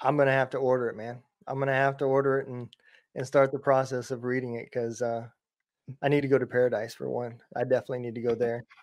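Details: Adult man speaking; ordinary speech.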